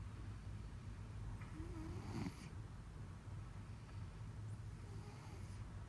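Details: Stertor from a cat's nose, recorded at close range: low, rattling snore-like noise with each breath from the nasal passages.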